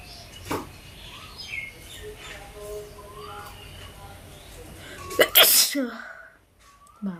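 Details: Background chatter and noise, then one loud, forceful sneeze with a sharp burst of air; a sneeze.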